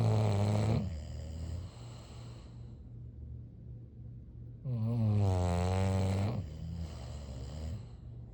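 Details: Sleeping bulldog snoring: two loud, rumbling snores with a long quiet gap between, over a low steady room hum.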